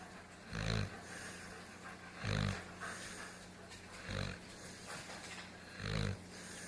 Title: Tahiti grunt snore